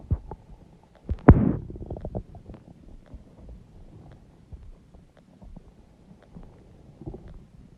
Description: Huge stomach growling noises!!!!